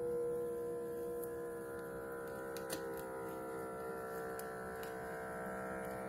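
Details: Automatic upper-arm blood pressure monitor (Sinocare) on a seated adult with the cuff at heart level: steady motor hum with faint clicks as it inflates and measures; reading 127/85 mmHg, pulse 66.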